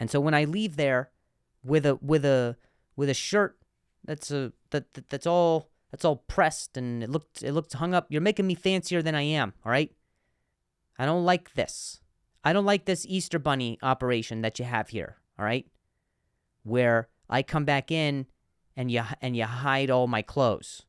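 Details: Adult male comedian who stutters, speaking on a podcast, with word repetitions: stuttering.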